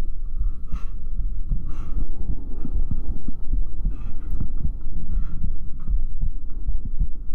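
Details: ASMR trigger-sound recording with ear picking and ear touching: a steady, low thumping normal heartbeat under a faint hum, with soft rustling taps on top.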